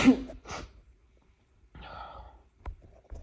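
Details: Male sneezing during an unusually tickly session, unsure whether he is sick: a sharp burst, then a drawn-in breath and a second softer burst in a quiet room.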